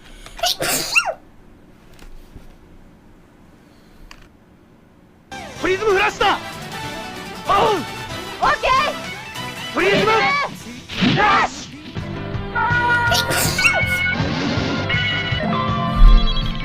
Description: 그냥 재채기만 할 뿐인데 보게 되는 이상한 영상